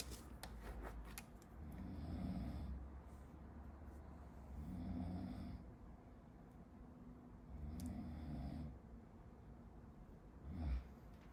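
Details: A person sleeping behind a medical student during a study-with-me recording snores: low, rumbling, slightly distant snores about 20 a minute, with page and desk noises at the start and a short snort at the end.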